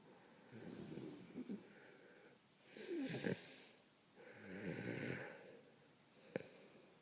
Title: How to stop a man from snoring